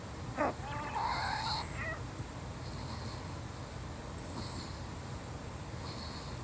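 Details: A cat's breathing with faint, high whistling sounds recurring with each breath; wheezing.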